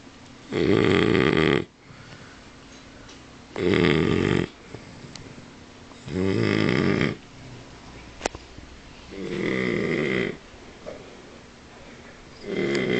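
Loud, rough rattling snores in steady bursts, about 22 a minute, with quiet pauses between them. Snoring in a flat-faced dog.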